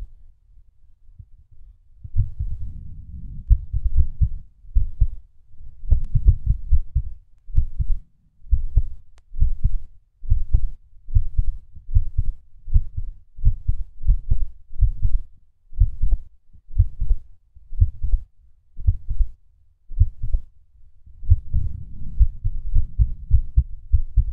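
Low, dull heartbeats with uneven spacing and occasional pauses where a beat seems to drop out.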